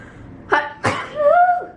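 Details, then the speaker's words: Loud explosive sneeze after a short inward catch, with a brief voiced exclamation; self-described loud sneezer who says they are allergic to something nearby while vlogging. "Oh, I'm gonna sneeze. Oh my gosh."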